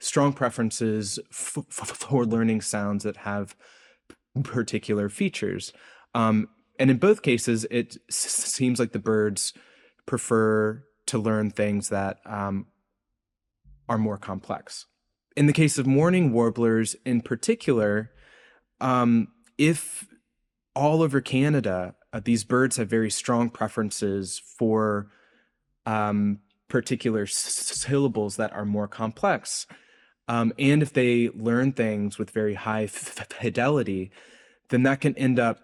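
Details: Adult man's real, self-reported speech impediment, present throughout the interview; speech impediment (stutter-like disfluency).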